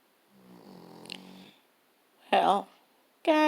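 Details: Akita dog snoring so loudly it can drown out the television: a soft rattling breath in, then loud, harsh, fluttering snores.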